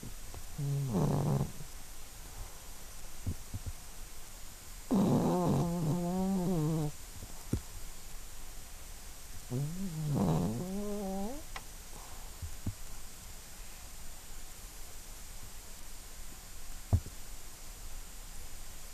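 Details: 12-year-old Yorkshire terrier asleep and dreaming: three fluttering, rattling snores about every 4–5 seconds with small twitching sounds between; snoring.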